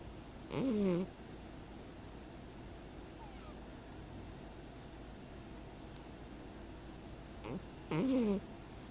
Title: And Lady Pumpkin snores again